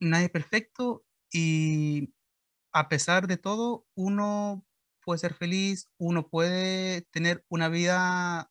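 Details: 21-year-old Chilean man speaking Spanish, real recording, who underwent a year of speech therapy for his stuttering; stuttering.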